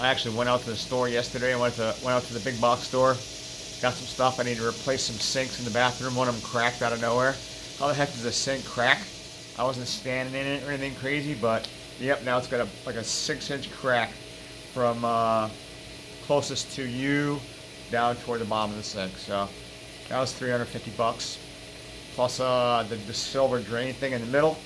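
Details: Adult man with throat cancer treated with chemotherapy and surgery (part of lower right tongue and much of right pharyngeal constrictor removed), with lockjaw and recently regained tongue movement; hypernasal speech with nasal air escape and lispy s sounds, sometimes almost normal.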